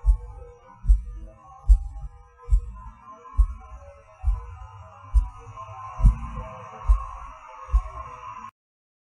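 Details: Person's own recorded heartbeat, felt as a falling rush with each pause or hard beat: about 70 a minute, uneven spacing, some beats louder, faint music behind; irregular heartbeat with skipped and extra beats, premature atrial and ventricular contractions (PVC/PAC).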